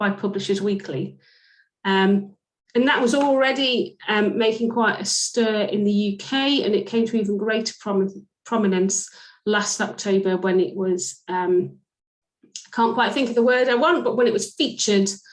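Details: Adult woman speaking; fluent speech.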